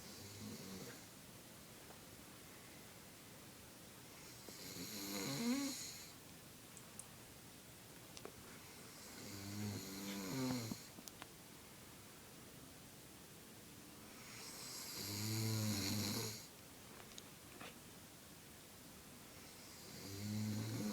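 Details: Loud rattling snores on each breath, about 12 breaths a minute, with quiet pauses between; snoring in sleep.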